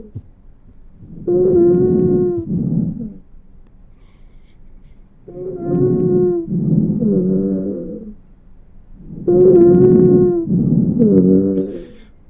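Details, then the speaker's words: Simulated lung sounds in a VR training sim: high-pitched musical, whistling tones in each breath, about 15 breaths a minute, from narrowed airways as in asthma, bronchitis or COPD; wheezing. "Wheez wheezes are high-pitched musical sounds heard during expiration and sometimes inspiration. They result from narrowed airways commonly seen in asthma, bronchitis or COPD."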